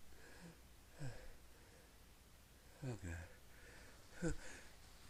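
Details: Three brief muffled bursts spaced over a few seconds, each a quick catch of breath then a suppressed sneeze, while trying to keep quiet; a series of stifled sneezes.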